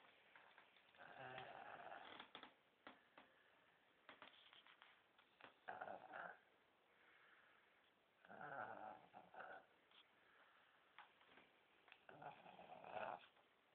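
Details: 19-month-old boy asleep, loud snoring: rough, rattling snores with each breath, about four in fourteen seconds.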